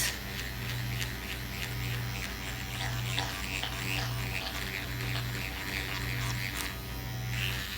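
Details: Self-performed facial microneedling with a Dr. Pen A7 (12-pin cartridge, 34-gauge needles) after 5% lidocaine numbing, second treatment, circular motions; continuous electric buzzing of the running pen, soft music behind.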